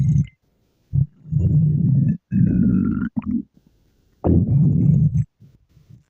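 Low, long gurgling rumbles in several bursts with pauses; ordinary stomach growling.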